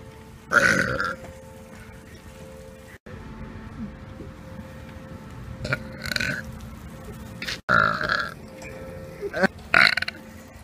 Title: Burping In Public Prank (Gone Wrong)